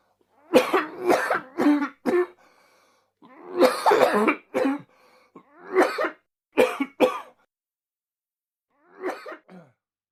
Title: Man Coughing Sound - Sound Effect (HD)